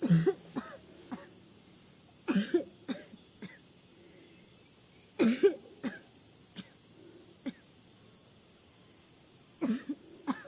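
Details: Woman whose body is weakened by illness with a recurrent cough: about ten short, harsh coughs in groups of two or three, over a steady background hiss.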